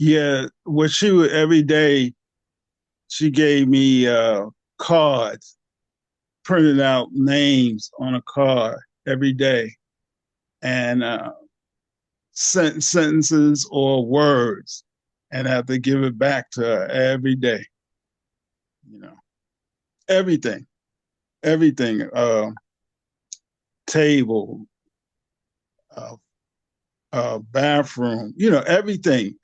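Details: Aphasia in a 67-year-old man, a 9-year stroke survivor after two strokes (January 2015, March 2016); he could not talk after the first stroke and later had speech therapy.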